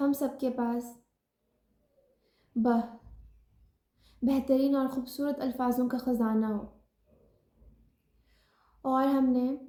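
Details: Stuttering in an adult woman, formerly a severe stammerer, who now controls it with learned techniques and self-help sessions.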